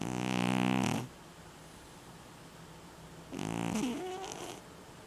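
Two long, rough, vibrating breath sounds about two seconds apart with quiet between them, consistent with snoring in a sleeping pet.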